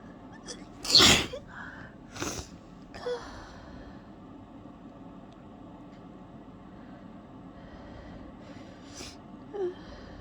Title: trying desperately to hold back wet sneezing fit